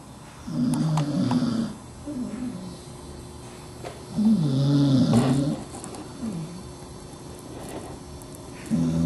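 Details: Dachshund dog snoring under a desk: low, rattling, groaning breaths recurring irregularly, some with a whistling edge.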